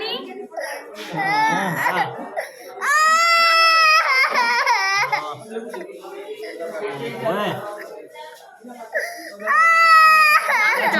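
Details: Young girl crying in pain during a blood test: loud, high wailing bursts while adults comfort her in between.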